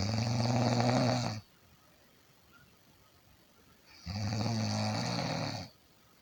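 Two loud, rough, buzzing snores on breathing in, about four seconds apart, with quiet between them.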